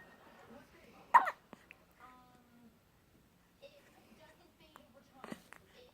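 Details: 11-day-old newborn with a few abrupt, jerky hiccup sounds and quiet adult talk in the background: hiccups.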